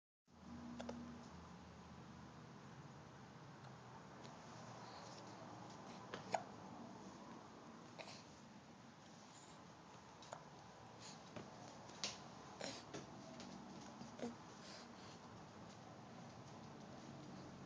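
Brief, sharp hiccup sounds recur irregularly, roughly every one to two seconds, over a quiet room background.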